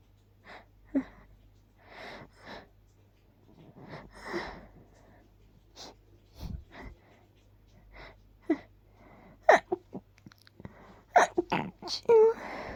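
A run of short, held-in sneezes with soft 'choo' endings, about a dozen in quick succession: stifled sneezing.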